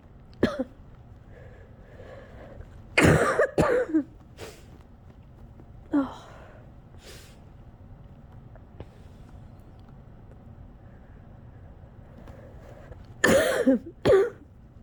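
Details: Coughing fit during a cold lasting a couple of weeks: loud explosive coughs in clusters separated by quieter breathing, near the end of a fit close to an hour long.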